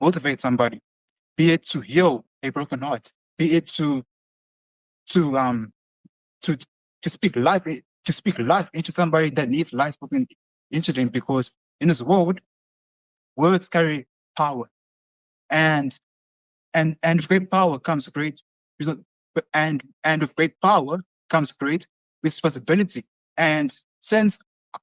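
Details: Adult male who has stuttered since he was a very small boy and has seen many speech therapists, heard speaking with stuttering.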